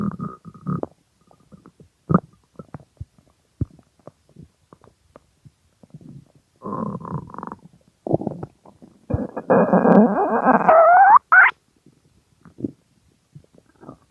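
Irregular gurgles, squeaks and a long rising rumble from the belly; loud hunger stomach growling.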